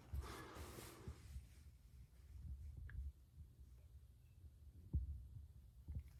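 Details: Normal heart sounds during a teaching head-to-toe physical exam, stethoscope at the third intercostal space (Erb's point): a rustle as the stethoscope settles, then soft, low heart thumps against a quiet hiss.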